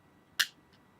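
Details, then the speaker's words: Single sharp spring-loaded click of a finger-prick lancet firing to draw blood for a daily blood sugar test by a man with type 2 diabetes, diagnosed around New Year, who also takes insulin. "So we get it here, we load it, make sure it's on the right setting, put it to the finger like this, and then we go,"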